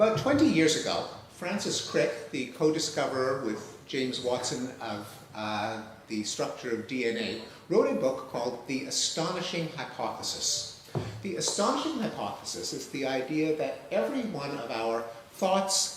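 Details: Adult male speaker; normal speech.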